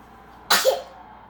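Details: One abrupt burst of breath noise with a brief voiced tail, a single deliberately faked sneeze; fake sneeze.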